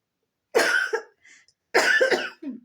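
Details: Two harsh, voiced cough bursts, each followed by a short catch of breath; a plain cough in a woman who says she seems to have fallen ill, possibly after sitting in the wind.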